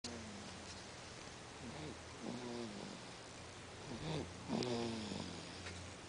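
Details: Sleeping baby makes soft snuffly, grunting breath sounds with faint squeaks over a steady background hum; noisy breathing in sleep.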